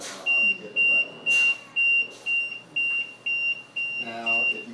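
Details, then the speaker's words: Liberty home ventilator high-pressure alarm repeatedly going off: steady high-pitched beeps about two a second, faint talk underneath. "you come in and you hear the alarm you usually going to see whatever alarms are going which is in this case is our high pressure keeps going off"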